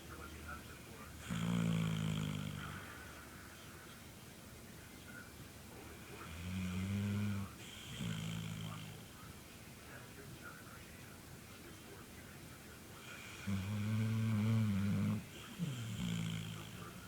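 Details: Sleeping dog snoring: low rumbling snores about every six to seven seconds, roughly nine a minute, with quiet pauses between.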